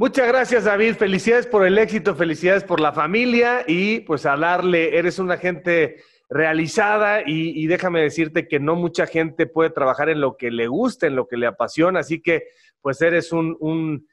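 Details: Adult man speaking Spanish; typical speech.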